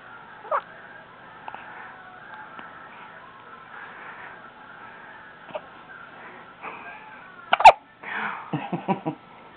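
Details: Five-day-old baby: brief sharp hiccups over quiet room noise, a few spaced apart, then a cluster of small vocal bursts; hiccups.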